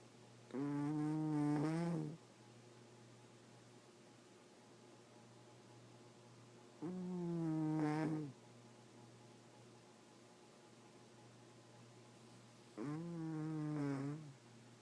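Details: Sleeping cat that snores all the time: three slow, buzzing, drawn-out breath sounds about six seconds apart against steady room hum; snoring.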